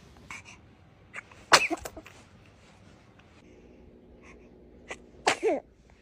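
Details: Two sharp, explosive bursts, each followed by a brief squeaky vocal sound, in an otherwise quiet room; a baby sneezing.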